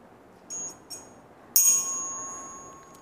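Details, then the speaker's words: Tuning fork struck and placed on top of the head (vertex) for Weber test in an adult male during an ear exam demonstration; bright ringing tone fading slowly; patient reports it louder in the left ear. "Baik Pak, nanti saya akan getarkan garpu tala di ubun-ubun Bapak, di atas kepala Bapak. Pak sebutkan mana di telinga mana yang lebih keras bunyinya."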